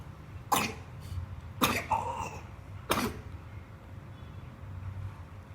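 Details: Infant aged 8.5 months, sick with a cough: three short coughs spaced over a few seconds.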